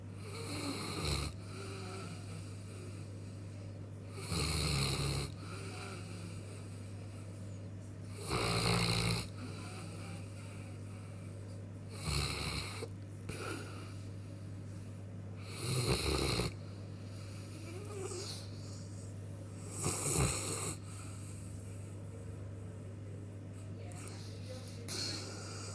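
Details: Loud, rumbling snores at about 16 a minute from a sleeping Newfoundland dog recovering after general anaesthetic, over a steady background hum; snoring.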